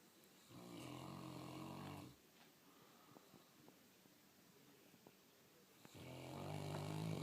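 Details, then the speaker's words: Sleeping St. Bernard dog, who fell asleep while being shaved: two loud, rumbling, low-pitched snores separated by about four seconds of quiet breathing. "The snoring dog. Of course, he gets quieter when I pull out the video camera."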